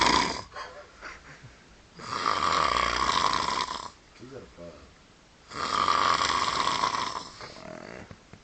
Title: ronquido playero